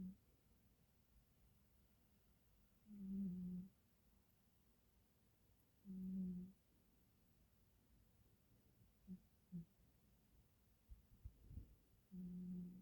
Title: why he's snoring when I'm a teacher working full-time